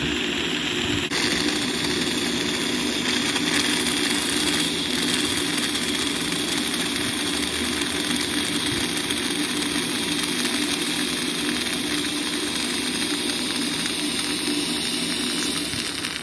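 Steady high-pitched whine of a dental scaler running continuously with a hissing water spray during a scale and polish.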